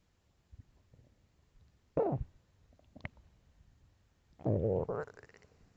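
Faint gurgles, then two loud squeaky, groaning growls rising in pitch. Ordinary stomach growling.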